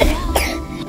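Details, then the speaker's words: One short acted cough from a child with a cold (cough and runny nose) but no fever, in a medicine advertisement over background music; cough. "sayang. Aduh, adik batuk pilek bisa banyak ketinggalan nih,"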